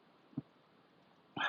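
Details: Two short, abrupt, low gulping hiccups about a second apart from a person with intractable hiccups lasting several days, at times up to about 55 a minute despite emergency visits; hiccups.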